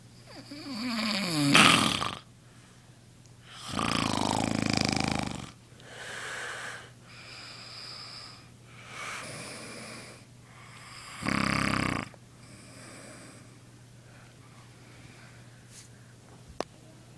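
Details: Man (snorer is a cousin's dad) snoring: heavy, rough, uneven, loud snores with snorting on breathing in, over a steady low room hum; snoring.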